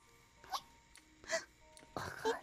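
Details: Streamers hiccuping during a livestream, one mentioning drinking water too fast: two or three short voiced gulping catches over quiet background music: hiccups.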